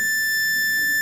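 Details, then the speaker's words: Precision high-flow oxygen/air blender, demonstrated in respiratory therapy teaching with the oxygen supply unhooked. Steady high-pitched continuous alarm tone because the blender cannot work without both air and O2. "the other way now it stops because it alarms because it can't work without air and O2 together so a common troubleshooting question you'll see somebody calls you to check the blender because it's making a high pitch noise one of your gases either one has been disconnected so that's why it alarms when you turn it on"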